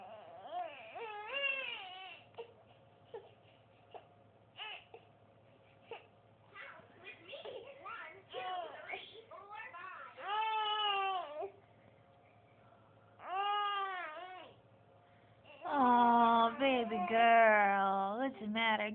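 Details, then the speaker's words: 6-month-old girl crying during tired tummy time: fussing with whimpers, then longer wailing cries with tonal voicing; tired infant cry. "oh no oh you're so sad oh man oh no baby girl what the matter what's the matter"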